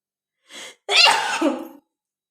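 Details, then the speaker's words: Deliberately induced sneeze in a woman tickling her nostril with a matchstick during a sneezing challenge: short indrawn breath, then one forceful, explosive sneeze, her fifth. "हो गया, फाइव हो गया। Five sneezing हो गया।"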